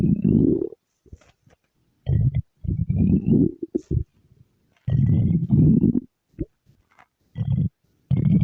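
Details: Loud, low gurgling stomach growls in several bursts with quiet gaps: ordinary borborygmi from gas and fluid moving through the gut.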